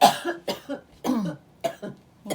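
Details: Adult (mom) coughing fit during conversation: a run of five sharp, harsh cough bursts in quick succession with brief pauses.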